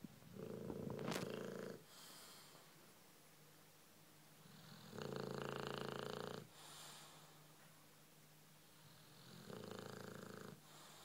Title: Winston the snoring bulldog